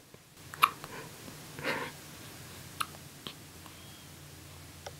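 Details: 8-day-old baby with hiccups who also passes stool during the clip: a few short, sharp catching sounds about a second or two apart in a quiet room; hiccups.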